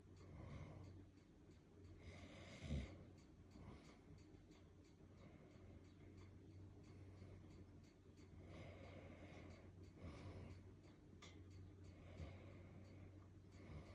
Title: he loves his daddy’s snoring.